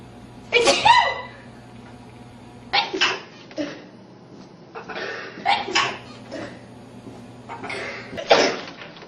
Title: Sneeze Art Project